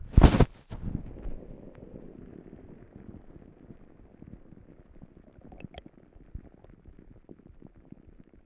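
A sharp knock, then soft low gurgles and rumbles fading into quiet bubbling; stomach rumbling.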